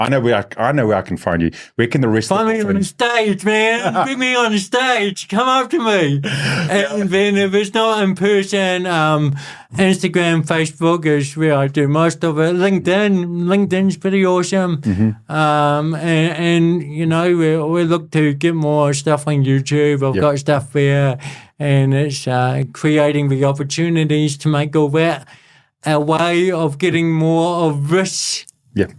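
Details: Adult male born with cerebral palsy, congenital and lifelong, who calls it a physical disability affecting how messages travel around his body; real speech; dysarthria (cerebral palsy).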